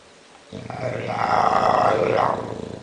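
A loud, rough, rattling breath sound from a sleeping bulldog: snoring.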